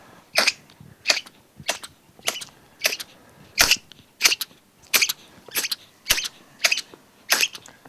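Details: Hiccups in a five-week-old rescued orphan otter cub: sharp, regular, high-pitched clicking bursts, about 86 a minute.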